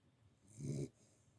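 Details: Dog with blue eyes, one of twins, asleep after playing with her twin: a single low, rumbling snore under half a second with a faint hiss on the breath; snoring.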